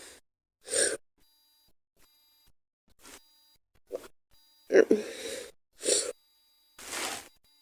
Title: Girl Sneezing 1